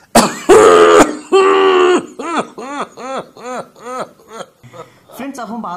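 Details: Two harsh opening cough bursts, a drawn-out voiced cough, then about nine short, rhythmic, voiced hacking coughs; a COPD cough.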